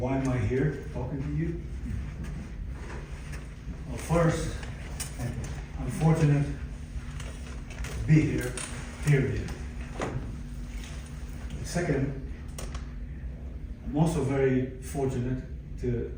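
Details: Aphasia in a 62-year-old man, acquired after a stroke in December 2011 following cardiac ablation for arrhythmia; in speech therapy at an aphasia center.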